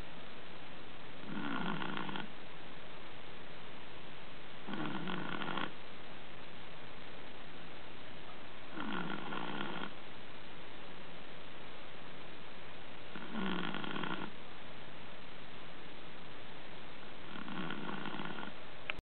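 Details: Sleeping Chihuahua, tired after playing; regular low snorting snores about every four seconds, around 15 a minute: snoring.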